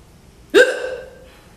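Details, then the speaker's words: Single abrupt voiced hiccup, a sharp catch with a brief trailing tone; the person reports frequent, painful hiccups since middle school, possibly from breath-holding when hyperfocused, and mentions ADHD; hiccups. "I gotta start fucking breathing. Because they're the kind that you can't even hold in because they're so hurtful."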